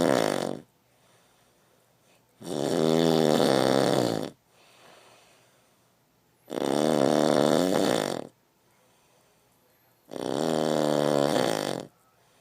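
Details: Loud, rattling snores about 2 seconds long, repeating roughly every 4 seconds with quiet gaps between; snoring.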